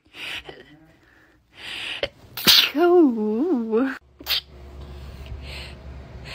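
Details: A loud, sharp sneeze after a short in-breath, then a high, wavering voiced sound and a second short sneeze, followed by brief talk.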